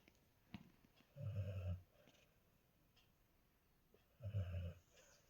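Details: Golden retriever dog snoring during sleep; snoring.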